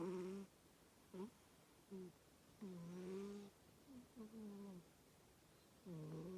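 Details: Cat snoring while asleep.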